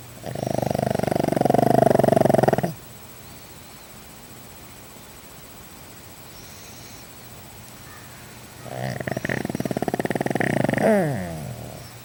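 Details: Snoring from Oscar, a pug.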